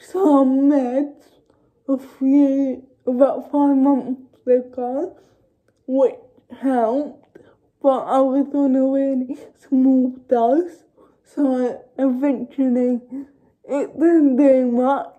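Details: Young woman with cerebral palsy speaking informally to camera; dysarthric speech in cerebral palsy.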